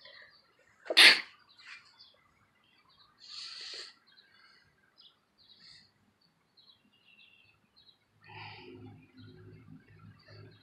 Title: Outside sneeze